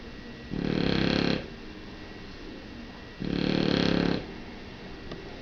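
Two even, rattling snores about a second long each, spaced roughly three seconds apart, over steady room hiss; ordinary snoring.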